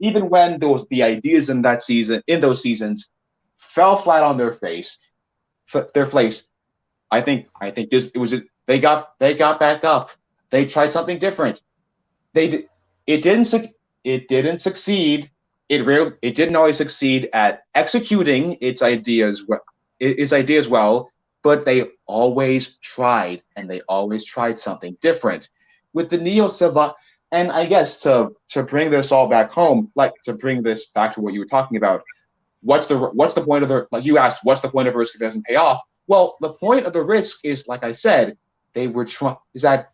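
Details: Male podcast co-host who says he has a bit of a speech impediment that may sound like rambling, type unspecified; speech impediment, disfluent speech with word and phrase repetitions.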